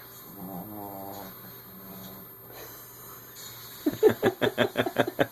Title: OUR DOG SNORING